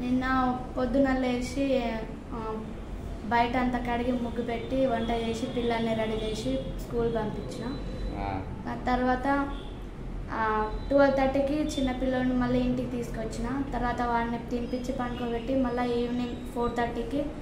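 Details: Adult woman with hoarse voice after thyroid surgery, now after about two weeks of voice therapy; therapist says voice is very good; recovered voice after post-thyroidectomy dysphonia.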